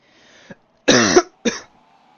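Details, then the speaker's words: An adult man gives two short, dry coughs, the first louder and slightly voiced, in a quiet room during a live stream. He says he is not ill and that his throat is a little tickly. "Sorry. I know I'm coughing a lot. I'm not ill. I'm I've been fine. Just throat is a little bit tickly."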